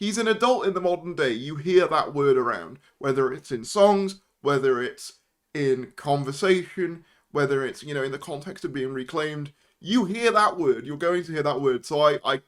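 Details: Adult man; Normal speech.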